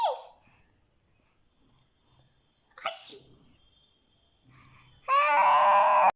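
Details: Mother fakes a sneeze to amuse her baby: a sharp sneeze-like burst from an adult, then loud infant laughter; imitated sneeze, not real.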